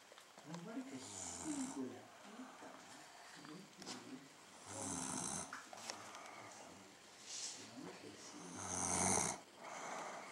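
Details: Loud, rattling snores on inhaled breaths every few seconds from a sleeping woman, with voices talking quietly in the background: ordinary snoring.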